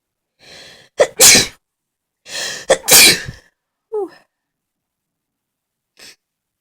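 Two sneezes, each with a sharp in-breath and a forceful burst, then a short sniff.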